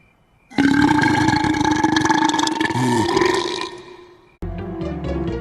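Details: One long, loud, rumbling belch about four seconds long, then a shorter burp, from a burp compilation with music in the background.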